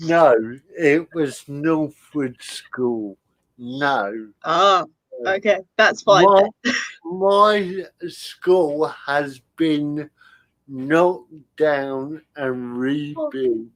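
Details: Adult male comedian with spastic cerebral palsy, attributed to lack of oxygen at birth, affecting limb control and speech; dysarthria (spastic cerebral palsy).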